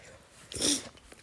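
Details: Single sharp, explosive sneeze with a brief voiced edge in a quiet room, one of several rounds of sneezing by an adult woman.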